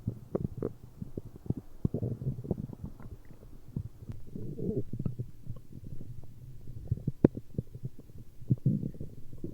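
Continuous low gurgling and rumbling with irregular pops and bubbling bursts; ordinary stomach growling from gas and fluid moving through the gut.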